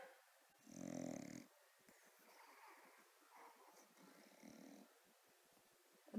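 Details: Sleeping bulldog that does not wake to its name: one clear rough snore, then softer snuffling breaths in a quiet room; snoring.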